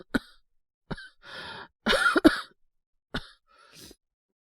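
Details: Simulated cold cough acted by a male voice actor playing a boyfriend with a high fever of about 38.7°C: several short coughs, some in a quick pair, with a throat-clearing sound.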